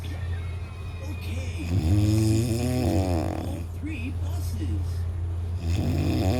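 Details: Loud, low rumbling snore with a droning, toned quality over steady background hum; snoring.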